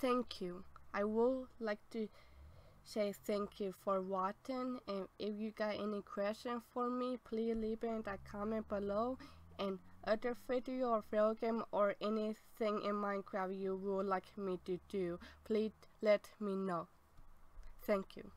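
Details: Adult woman born in 1990 with apraxia of speech since childhood, persisting into adulthood and possibly lifelong; had speech therapy through high school; apraxia of speech.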